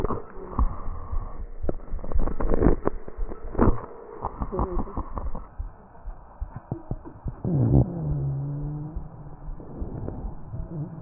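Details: Tracheal crackles and rhonchi with cough, recorded from a real patient with an AccurSound electronic stethoscope.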